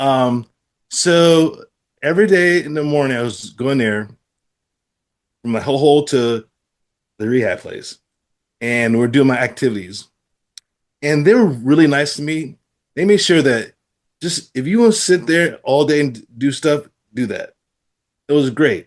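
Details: Adult man with aphasia following a stroke, who does daily rehabilitation practice; aphasia.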